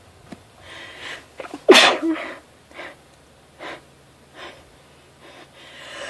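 One forceful sneeze after a quick intake of breath, followed by sniffs and soft breaths in a quiet room.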